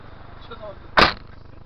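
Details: Driver's single sudden, explosive sneeze over steady car cabin noise, just before bumping the car in front.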